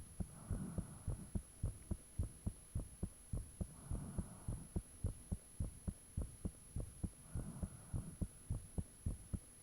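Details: Own heartbeat recorded with the fan off, shortly after the heart began feeling really thumpy; clear heart thumps at about 105 per minute, slightly fast, with audible valve sounds, a soft whoosh of blood between beats and a faint steady hum.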